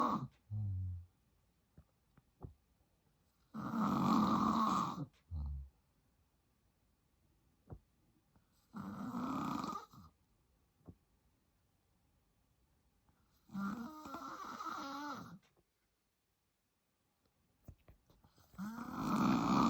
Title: FILMING MY DAD SNORING AND MOVING BACK IN WITH HIM (I WAS SO HAPPY!) ENJOY! 😂